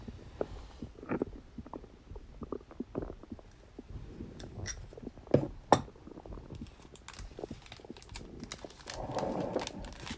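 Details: Stomach growling on a birthday after eating cake: soft, irregular gurgles and rumbles with a louder bubbling stretch near the end, ordinary digestive sounds.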